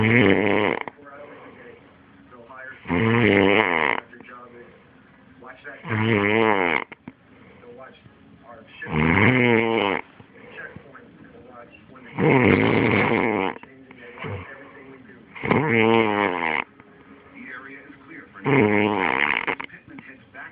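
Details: Loud, rough, rattling snores about every 3 seconds, roughly 20 a minute, with quiet television talk between; the uploader's own heavy snoring.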